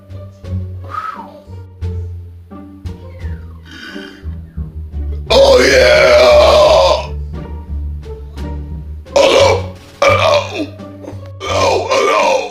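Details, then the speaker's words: Person deliberately trying to belch as loud as possible: several long, loud belches over steady background music; burping. "guess what i'm going to try to see if i can belch as loud as i can yes i'm going to try the belch as loud as i can"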